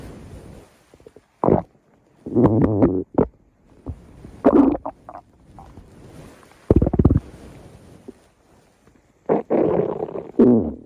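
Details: Stomach growling (borborygmi): audible gurgling rumbles from the abdomen.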